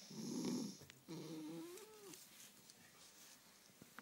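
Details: Sleeping pet cat snores with a rough rattling breath followed by a drawn-out whistling tone, much like a person: snoring.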